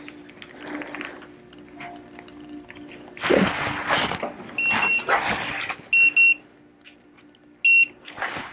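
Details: Dental X-ray unit exposure signals while taking periapical radiographs on a returning patient during a full-mouth series; several short, high electronic beeps with rustling and handling noise between.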